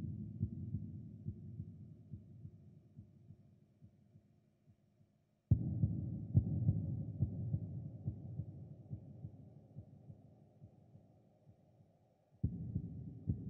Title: Ambient sound effect - Cold Heartbeat